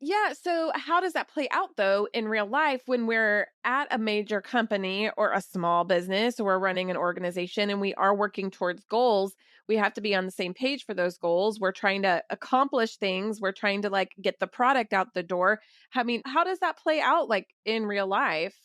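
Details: Adult woman speaking; normal speech.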